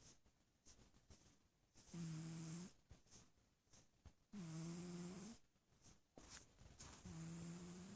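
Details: Sleeping little cat snoring: regular buzzing snores on the in-breath, about three in eight seconds, with quieter breathing between them.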